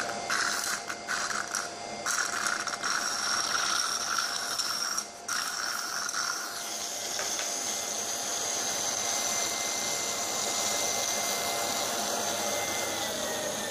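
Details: Nosiboo electric nasal aspirator running, demonstrated suctioning 10 ml water and 10 ml strong hair gel as simulated child nasal secretions: steady motor whir with gurgling and rattling as fluid is drawn in.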